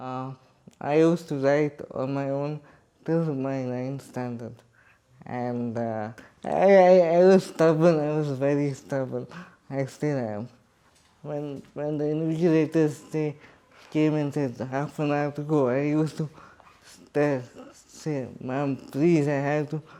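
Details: Adult man with cerebral palsy and quadriplegia speaking in his own voice in an interview; dysarthria.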